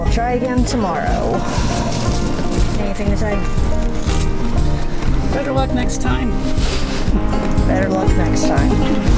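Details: Adult speaker; typical voice.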